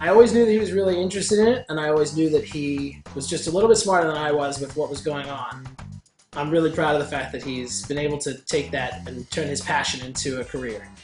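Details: Adult speaker; Normal speech.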